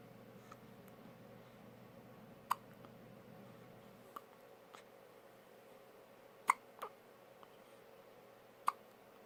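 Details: Newborn baby: soft, sharp little hiccup clicks at irregular intervals, several over nine seconds, in a quiet room; newborn hiccups.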